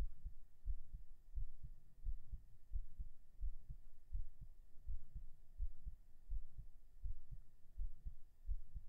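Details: Binaural recording on day 18 of strength training, right after 37 push-ups: steady low double thumps at about 87 a minute, slightly quickened; heartbeat after exercise.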